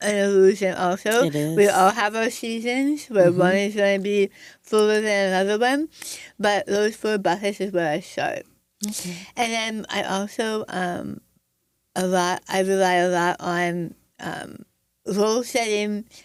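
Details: Adult woman with stage 4 right-sided tongue squamous cell carcinoma diagnosed December 2021, treated with removal of over half her tongue, arm skin flap reconstruction, neck dissection, tracheotomy, radiation, chemotherapy and speech therapy; articulation changes after partial glossectomy.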